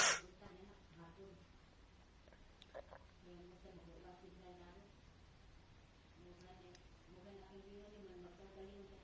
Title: SNEEZES AGAIN ❣️